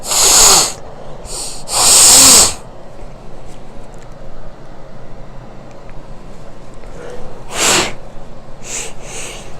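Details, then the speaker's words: Two loud sneezes close together, then a third after a pause, with sniffing and rustling between; described as a really powerful, nasty sneeze, followed by a big hard nasal crust and a nosebleed. "I gotta sneeze. Hey, slow! Oh, that was a really powerful, nasty sneeze."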